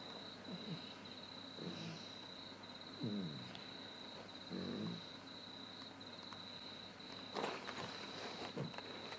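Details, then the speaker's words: Two dogs snoring in the background during home sewing: a recurring snoring noise. "lining my dogs keep snoring in the background if you can hear it if you hear that noise that's what it is two dogs snoring"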